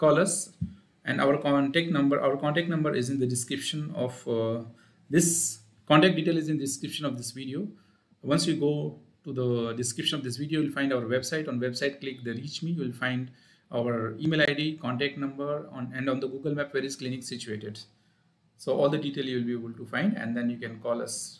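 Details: Adult male speaker; normal speech.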